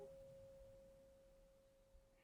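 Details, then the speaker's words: Tuning fork tone in a simulated ASMR cranial nerve exam (Rinne test): faint steady hum held behind the ear until no longer heard, then moved in front of the ear for air conduction, then a brief louder sound. "I want you to tell me when you can't hear the sound of the tuning fork anymore and then I'm going to move the tuning fork around to in front of you yeah yeah and I want you to tell me if you can hear it again"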